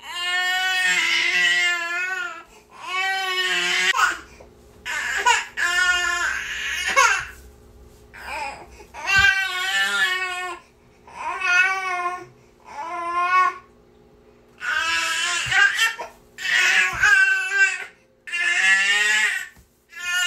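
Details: Infant niece crying nonstop in strong, high-pitched bursts separated by brief pauses for breath; persistent infant crying.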